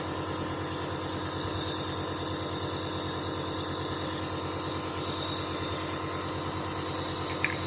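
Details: Dr Trust compressor nebulizer in use with the mouthpiece held between the teeth, lips closed; steady motor hum with a rapid mechanical buzz and hiss of airflow; compressor nebulizer running.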